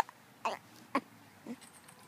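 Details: Infant hiccups: three brief, abrupt catches of breath about half a second apart in a quiet room, while the baby is distracted by his hand.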